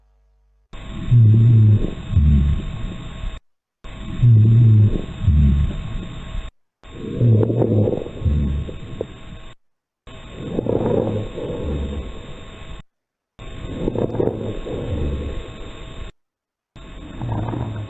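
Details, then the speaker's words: Simulated breathing in an auscultation teaching session, about 19 cycles a minute, with low rumbling rhonchi and scattered crackles. Crackles and rhonchi. "Fíjense aquí ya se escucha las sibilancias, los roncos y demás. Se escuchan con atención."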